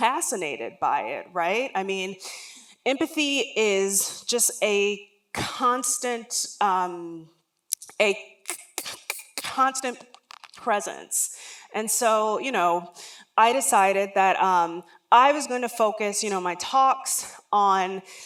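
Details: Real lifelong stuttering in an adult woman, which began around age three and was never outgrown, heard during a public talk.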